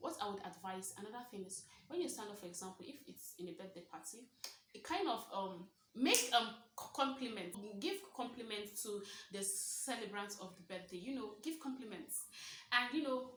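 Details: Stuttering in an adult woman who describes herself as a stammerer, speaking naturally about her own stammering.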